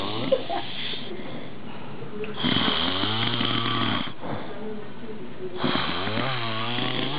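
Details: Loud, rattling snores from a man (the recorder's dad) on each breath in, separated by quieter breaths out; two snoring breaths heard.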